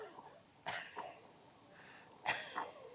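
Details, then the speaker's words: Two short, rough, faintly wet throat-clearing coughs, deliberately imitated by an adult male doctor to mimic a cough with phlegm, recorded by a miniature microphone taped near the airway of a lung-sound monitoring device. "好，用有点咳嗽的声音。有点痰的声音，"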